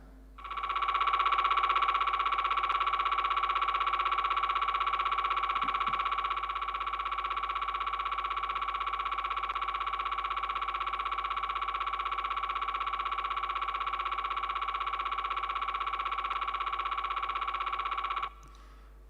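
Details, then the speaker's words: Simulated MRI scanner noise in a functional MRI practice session for patients: rapid, steady electronic beeping at about four per second for roughly 18 seconds, as heard during the exam. "Let's practice this together. And you will hear beeping going on right now, just like you will during the exam."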